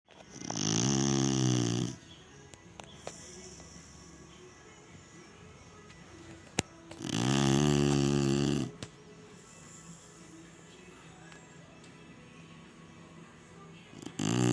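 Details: Snow, a sleeping Chinese Shar-Pei dog, snoring: loud, rattling snores about every six to seven seconds with quiet pauses between them.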